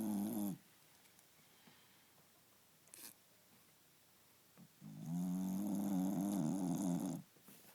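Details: Loud, buzzing snores from Cookie, a sleeping pet, separated by quiet pauses between breaths.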